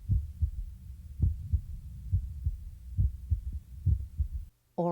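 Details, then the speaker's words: Normal apical pulse heard with a stethoscope diaphragm about 2 inches below the left nipple, toward the center of the chest: steady lub-dub heart sounds at about 68 beats a minute, counted over one minute. "adjust the position of the diaphragm until you can hear the heartbeat clearly then begin to count the heartbeats for one minute each ldub sound is one beat"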